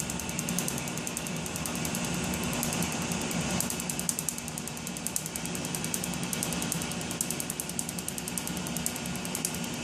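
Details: Laser tattoo removal on an inner-arm tattoo, 4th session of an estimated up to 12: rapid crackling snaps, about three a second, over a steady machine hiss as the laser fires.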